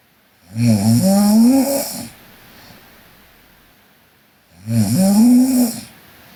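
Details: Two loud, drawn-out rattling snores on the in-breath with a quiet pause between them; ordinary snoring from a sleeping Korean girl.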